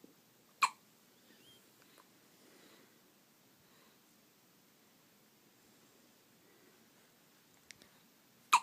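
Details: Hiccups: two sharp, squeaky clicks about eight seconds apart in a quiet room, like a little squeaky toy.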